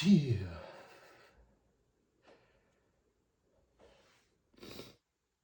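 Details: Allergic sneezing flared by dust from cleaning books on a bookshelf: one loud explosive sneeze, then quiet breaths and a softer sneeze-like burst.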